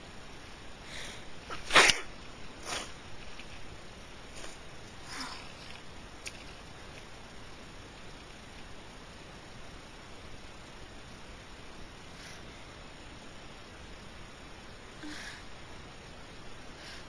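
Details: Sneezing during a really bad allergy fit: one sharp, loud sneeze followed by fainter sniffs and small bursts over a quiet outdoor background; a bout of sneezing.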